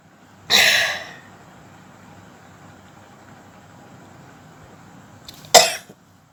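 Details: Two sharp, hissing explosive sneezes about five seconds apart, deliberately produced for a sneezing and nose-blowing challenge; quiet room noise between.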